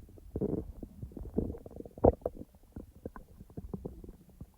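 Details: A person's own real stomach sounds, recorded when digestion was active but not in real time: soft low gurgles and bubbling pops from the abdomen, irregular and continuous, normal active bowel sounds.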